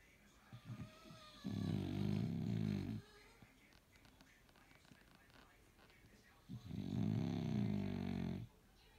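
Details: Sleeping dog snoring: two long, loud, rattling buzzes on the in-breath, separated by quiet breathing.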